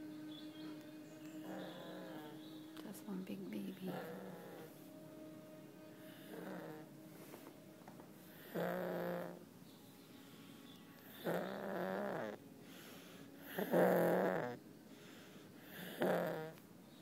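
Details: Snoring during sleep: repeated loud, vibrating snores about every two to three seconds, with quieter breaths between.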